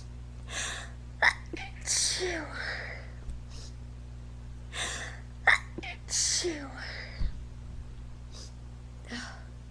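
Repeated short, breathy sneezes with quick gasping inhalations between them, a run of sneezing in a quiet room with steady hum.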